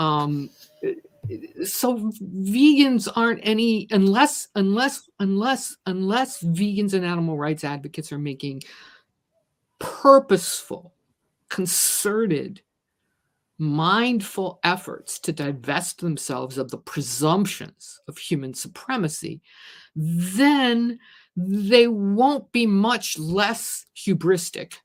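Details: Stuttering in an adult woman who describes herself as a person with a disability; repeated words are heard in this stretch of speech.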